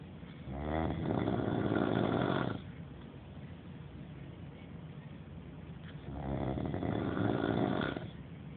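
Two loud, rough, rattling inhaled snores separated by quiet exhalation; snoring at about 14 breaths a minute.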